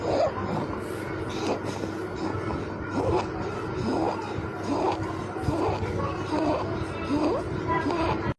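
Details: Infant with inspiratory stridor and suprasternal retraction: fast breathing carrying a high, crowing, musical noise on each breath in.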